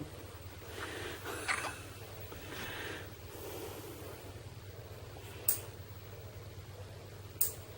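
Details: Infant son on his first night home after two weeks in the NICU, resting and trying to sleep: three brief, sharp hiccup jolts a few seconds apart over quiet room noise; hiccups.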